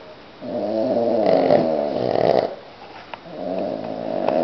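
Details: Cavalier King Charles spaniel snoring after a Sunday morning walk: two loud, fluttering, rattling snores with a short pause, in a quiet room.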